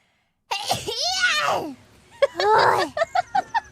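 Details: VTuber sneezing fit during a live stream: high-pitched sneeze-like bursts with vocal sounds, then a run of short rhythmic voiced catches.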